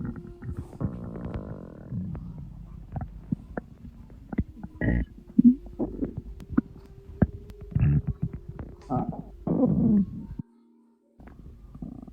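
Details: Postpartum mother's belly, recorded at 2 am; she attributes the sounds to postpartum water weight. Irregular low gurgles, bubbling pops and squelches, with a faint steady background tone; stomach rumbling.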